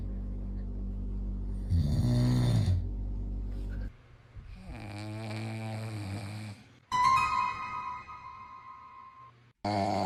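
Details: An adult (the father) snoring with a low, rumbling rattle rising to a loud snore, then a short wavering vocal sound likely from the infant, then background music; snoring.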